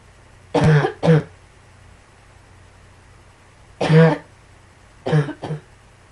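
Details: Three short bouts of harsh coughing, mostly two coughs per bout, about five coughs in all, with quiet room noise between; cough.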